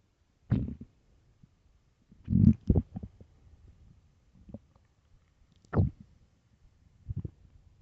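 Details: Several low, deep gurgling rumbles, irregularly spaced in a quiet room: loud stomach growling (borborygmi) from an extremely empty, starving stomach.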